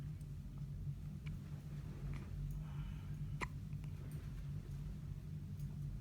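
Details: Hiccups in a 3-day-old baby girl in hospital, her first: several brief, soft, sharp catches at irregular intervals over a steady low room hum.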